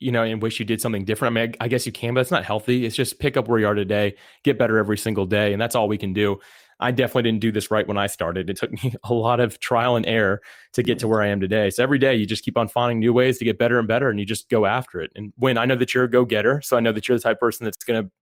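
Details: Adult man speaking; typical speech.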